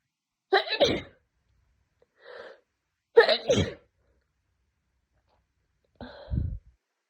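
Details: Three forceful sneezes, each a sharp intake then an explosive burst, in a quiet room, from a person with a severe head cold for two days, nose burning and unable to stop sneezing.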